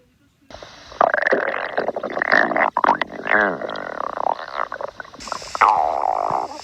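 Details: Stomach growling (borborygmi) from a person.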